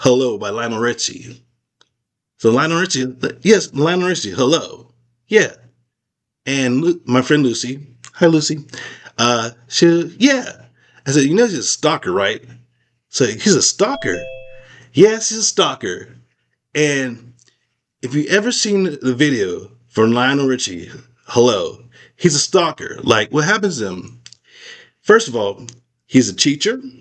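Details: Adult man with aphasia after a stroke, still unable to talk as clearly as before the stroke: aphasia.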